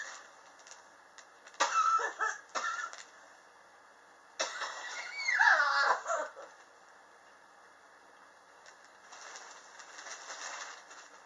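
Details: Chronic cough ongoing since summer 2016, recorded July 2018; the patient believes temperature changes in the apartment trigger it. Two clusters of rough, hacking coughs, the second a longer strained run, between quiet breathing.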